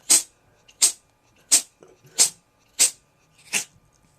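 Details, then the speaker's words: Pet cat having a sneezing attack: six short, sharp hissing sneezes in quick succession, about one every 0.7 seconds; a run of sneezing. "I'm being rudely interrupted by by epic sneezing"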